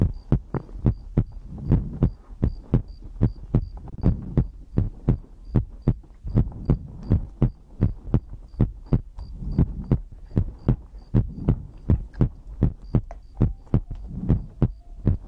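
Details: ASMR heartbeat and breathing recording for sleep: steady, regular low thumping heartbeat in paired beats, about 94 beats per minute, with a faint hum underneath.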